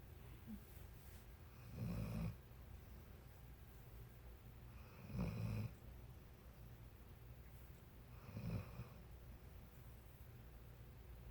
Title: Marlee snoring